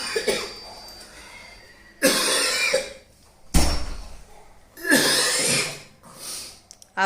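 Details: Three or four harsh, forceful acted coughs with short pauses from an adult in a small room, performed for a cough syrup audition.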